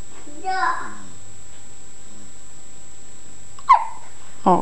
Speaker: Oh, baby's hiccups. Oh.